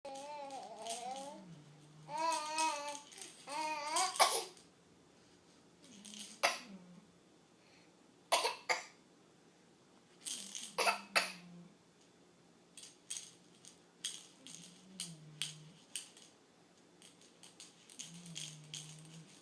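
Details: Infant doing deliberate fake coughs between babbling while playing with her rattle, rattle shakes in background; voluntary (fake) cough.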